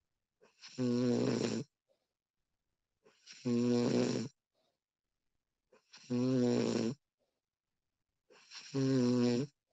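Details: Adult female snoring during sleep: four loud, rattling inspiratory snores at about 23 a minute, with quiet exhalations between them.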